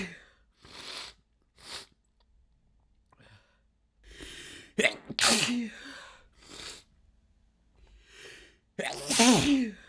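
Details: Rapid fit of very wet sneezes that soaked shirt, pants, keyboard and mouse: quick inhalations, then strong wet sneezes with audible spray.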